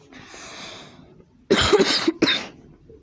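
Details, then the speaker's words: A breath in, then a harsh burst of two to three coughs followed by one more cough, recorded during a baseball video game stream; cough. "okay okay enough coughing"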